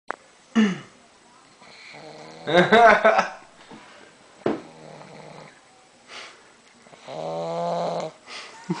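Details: English bulldog snoring while asleep: loud, rough, rattling breaths with occasional snorts between quieter stretches.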